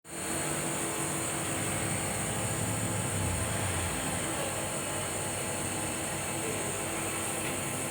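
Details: Nebulizer treatment at a clinic for shortness of breath caused by cough: steady loud mechanical hum and hiss of the nebulizer compressor running throughout.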